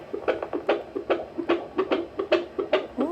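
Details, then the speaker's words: Rapid, regular whooshing fetal heartbeat on Doppler, about 146–148 a minute, strong, at a 36-week prenatal appointment for a baby boy reported healthy with good cord flow. "heartbeat is strong today he's like 148 today and he's showing off okay boy [Laughter] that was a strong heartbeat i love it though"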